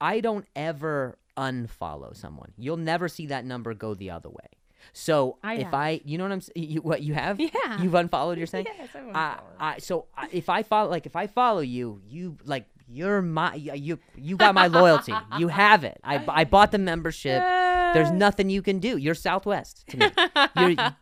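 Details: Male comedian with a stutter speaking in podcast conversation, with word and phrase repetitions; stuttering.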